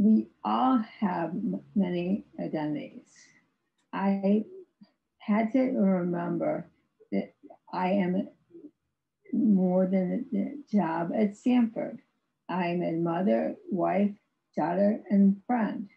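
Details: Woman with aphasia after a severe stroke in 2010, with ongoing speech challenges, recorded in 2021, about 11 years post-stroke; aphasia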